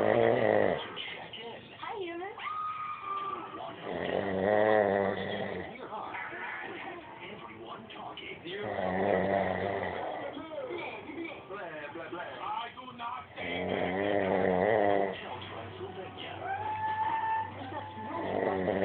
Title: My Snoring Dad